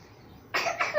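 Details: Child with cough, cold and fever, during a medicine-giving session: after a quiet start, a short, sudden noisy burst, most likely a brief cough.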